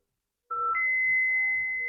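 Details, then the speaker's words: A steady high electronic tone rising in pitch and holding as an ICU defibrillator charges to five joules per kilo before a shock, with pads below the right clavicle and at the cardiac apex. "so should we charge now yeah no discharge so I kept actually five joules per kilo it is getting charged"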